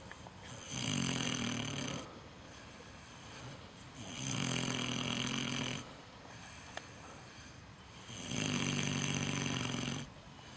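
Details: Micro pig snoring outdoors at night: loud, rasping snores about every 3.7 seconds (roughly 16 per minute) with softer breaths between. Very loud snoring.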